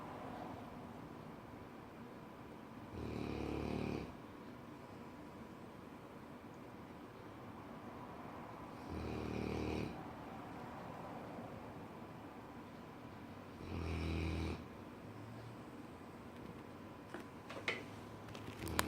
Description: Lola my cane Corso snores so loud